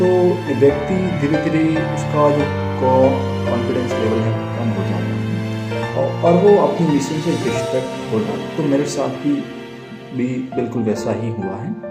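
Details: Adult man who says he stammers and accepts his stammering, speaking Hindi over background music as part of a self-managed stammering mission; stuttering.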